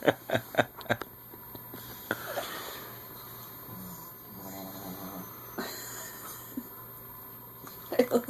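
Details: Dog snoring during sleep.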